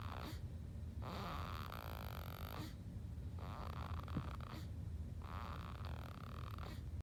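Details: Baby snoring asleep after a bottle feed: repeated snuffling, whistly snore sounds with each breath over a low room hum.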